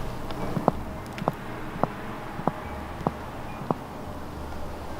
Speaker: there's another trick in addition to the solenoid that could help explain that check out this video showing how you can pop your toe joint on command to make a similar knocking sound there's a trick you can do with your toes to generate a knocking sound while producing no motion